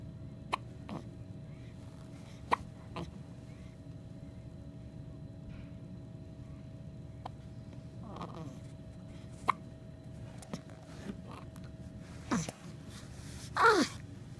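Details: Hiccups in a child: faint, sharp, brief catches repeating irregularly every few seconds in a quiet room with a low hum.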